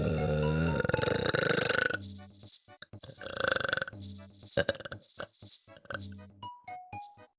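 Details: Burping compilation: long, deep, drawn-out belches one after another, with background music and tones; repeated burping.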